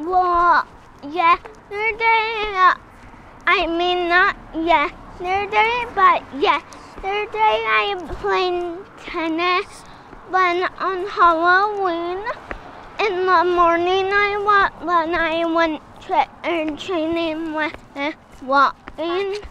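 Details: Girl of elementary-school age with Friedreich's ataxia, a degenerative genetic disease affecting walking and speech; consonants historically hard; in speech therapy; ataxic dysarthria.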